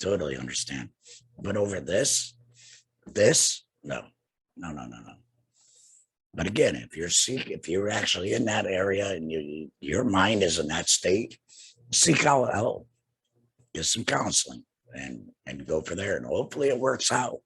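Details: Adult man two years after laryngectomy for cancer with radiation and chemotherapy, breathing through a neck stoma and speaking with a tracheoesophageal puncture voice prosthesis and an HME: tracheoesophageal speech after laryngectomy.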